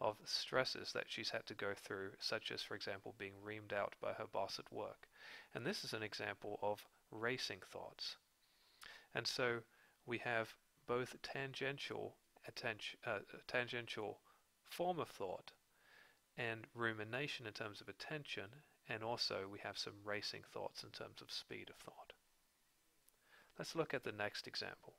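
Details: Adult male narrator; normal speech.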